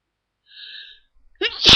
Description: I got a request for trying to stiffle ... sorry, it didn't work very well.